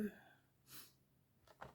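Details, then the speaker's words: Adult woman sneezing again while talking during a scrapbooking video: sneeze. "Oh, je vais éternuer encore. Voilà."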